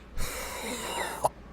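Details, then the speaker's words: Raspy drawn-out throat-clearing cough with a catch ending in a short sharp burst, from an adult man with a stuffy nose, recent headache and bronchial history; dry cough without rattle. "and i'm coughing i have a super dry cough and i'm gonna i'm gonna do this and let's see if you can hear it all right"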